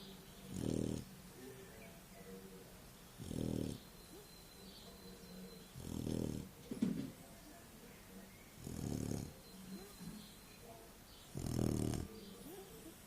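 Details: Labrador retriever dog snoring: short snorting snores about every two and a half seconds, five in all, with quiet breathing and room noise between.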